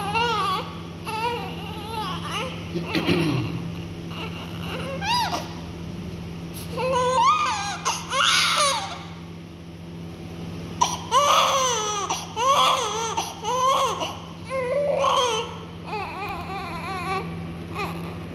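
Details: Newborn with inflamed skin on the buttocks, thighs and genitals crying in repeated bursts with short pauses, over a steady low room hum.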